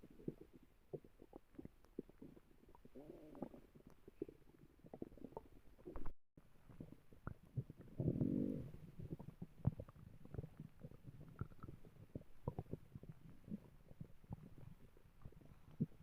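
Faint low gurgles and a couple of louder rumbles over quiet room noise, ordinary stomach growling.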